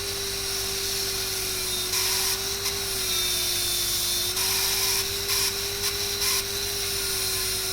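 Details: Dental handpiece with a straight fissure bur cutting a class 5 cavity (cervical third, buccal surface, maxillary first molar), about 0.75–1 mm deep, for a GIC restoration. Steady high whine with water-spray hiss, rising in short bursts.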